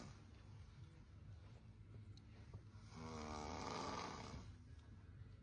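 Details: Man snoring during sleep while being mocked: a single rough, rattling snore that rises and fades over quiet room noise.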